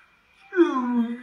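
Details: Man with severely impaired speech from an unspecified condition, speaking to a voice assistant; severe dysarthria.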